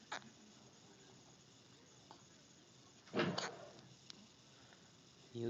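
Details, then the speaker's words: Baby with a bout of hiccups in a quiet room: short, sharp hiccup clicks about every two seconds with a louder vocal burst midway; infant hiccups. "Oh, the hiccups. Oh, the hiccups."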